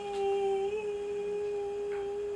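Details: Normal sustained vowel phonation: a person takes a deep breath and sustains "ee" while a high-resolution scope views the vibrating vocal cords.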